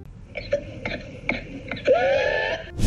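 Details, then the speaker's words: Whooping cough (pertussis, Bordetella pertussis): a rapid run of about four short severe coughs ending in a high, drawn-out crowing whoop on breathing in. "기침을 심하게 안 후 숨을 들여 마 때 하는 소리가 난 데서 후핑 코라고 부르기 합니다"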